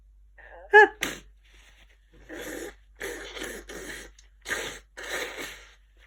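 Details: Hay fever sneezing bout: one sharp sneeze, then several muffled, stifled sneezes.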